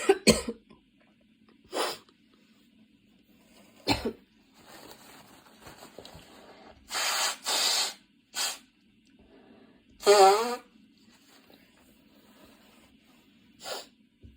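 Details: Coughing fit that came on suddenly on a Saturday afternoon while studying and worsened until studying had to stop, with frequent position changes: repeated harsh coughs, about eight bursts with pauses, some run together.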